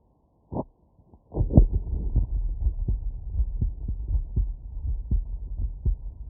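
Steady, regular low thumps in a lub-dub rhythm, at roughly 80 beats a minute, with a low hum of stethoscope noise underneath. These are normal heart sounds: the first and second sounds from the heart valves closing, with no extra sounds.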